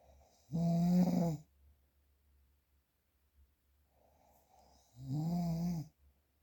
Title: The sound of - Snoring #4